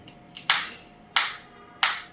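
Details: Sharp, loud snapping shots a little over half a second apart from a high-energy focused (not radial) orthopedic shockwave therapy applicator firing on a hand, intensity 3 of 15, frequency setting 90.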